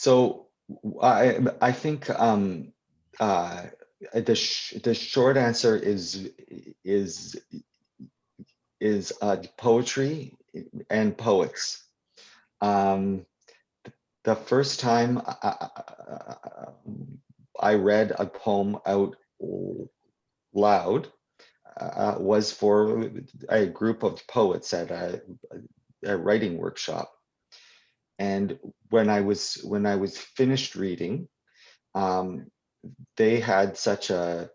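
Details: Adult poet and children's author who stutters, speaking live at a 2021 convention for people who stutter; real, not acted; stuttering.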